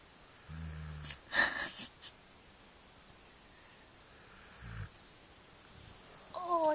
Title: Dog snoring